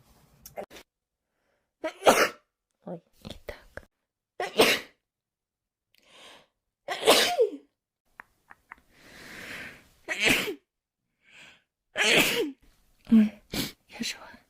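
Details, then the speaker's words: Series of sharp, forceful sneezes from a girl, some with a voiced "choo" and caught breath between, interspersed with soft talk; sneezing. "I really had to sneeze life I just sneeze oh my no one wants to see that I'm going to sneeze"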